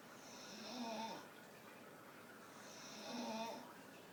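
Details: A Staffordshire bull terrier resting with her eyes open snores with slow, nasal, whistling sounds about one every two and a half seconds; ordinary harmless snoring.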